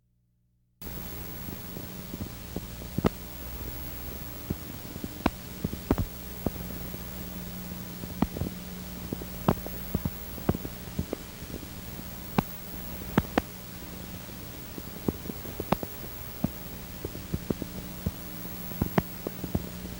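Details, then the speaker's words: Needle EMG teaching recording of fasciculation potentials, spontaneous single motor unit firing seen in normal muscle or anterior horn cell disease, myelopathy, radiculopathy, demyelinating neuropathy: sparse, irregular sharp pops over a low steady hum. "Faciculation potentials are observed in normal muscle as well as in anterior horn cell diseases, cervical spondyllotic myalopathy, radiculopathy and demyelinating neuropathy."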